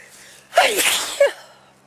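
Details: Allergic sneezing in a person who sneezes often from triggers like flowers, dust or plants, with an itchy mouth: a single sharp, forceful sneeze after a quick inward breath, with a brief tail of air.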